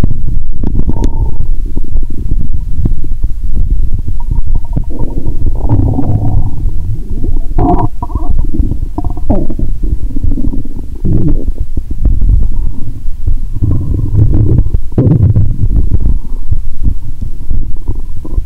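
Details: Stethoscope on the upper abdomen, person relaxed and sleepy: continuous low gurgling and rumbling with bubbling and squeaky gurgles throughout; belching in the belly joked about; active bowel sounds (borborygmi).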